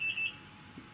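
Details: IV infusion pump alarm for a woman having her third C-section at 37 weeks, with the IV in her arm. Bending the arm sets it off though the fluids still flow: a single short high-pitched beep, then quiet.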